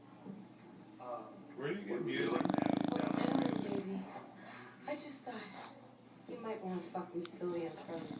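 Low, rumbling, fluttering breaths with a louder snort in the middle: a short-nosed dog snoring in a quiet room.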